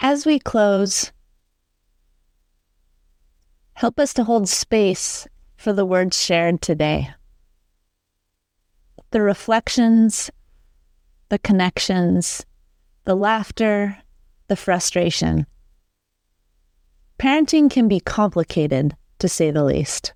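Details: Adult woman speaking; normal speech.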